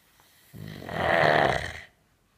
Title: Snoring Sharpei